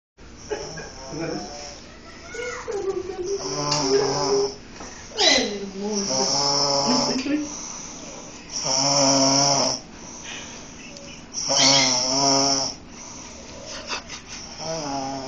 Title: princesa roncando